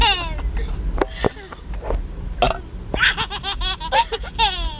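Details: A baby laughs in bursts of giggles at his older sister's loud, throaty, deliberate belching in a car; burping.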